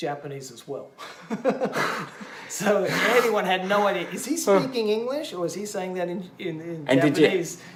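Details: Adult male stroke survivor, bilingual English teacher, with expressive aphasia affecting both English and Japanese after a stroke during heart surgery four years earlier; word-finding difficulty, circumlocution, cognitive fatigue; language reportedly around 50-60 percent, gradually improving; expressive aphasia.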